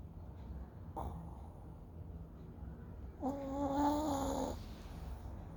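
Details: Snoring during sleep: a soft snort, then one longer, buzzing, slightly tonal snore over steady room hum.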